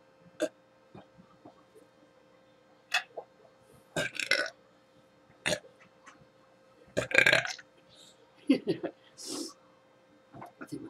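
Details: A person in the morning gives a run of short, croaky belches, about eight over ten seconds, in a quiet room; repeated burping.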